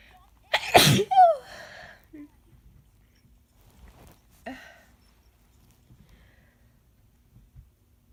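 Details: Adult with a cold. Natural sneezes: one loud explosive sneeze after a sharp intake, then a softer second sneeze in a quiet room.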